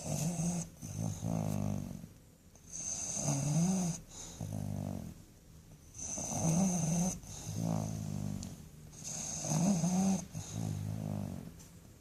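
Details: Dog falling asleep, snoring: rhythmic, about 20 breaths a minute, each with a rattling, wavering snore.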